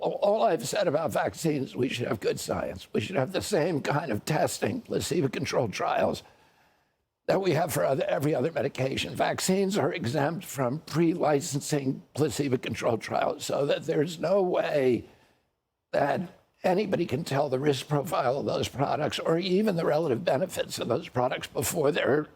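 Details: Adult man whose voice was very strong until age 42, when he developed a neurological condition he calls spasmodic dystonia that changed his voice; real adductor spasmodic dysphonia.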